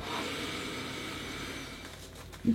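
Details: Steady rushing hiss of pressurised air slowly easing, ending with a soft bump: CPAP mask airflow during breathing in an adult using CPAP for sleep apnea after 30–40 kg weight gain.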